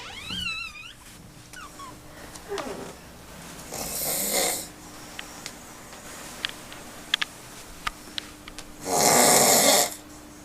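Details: Father snoring during sleep: two long, loud, rough breathing noises about five seconds apart over a steady fan or vent hum, with scattered clicks.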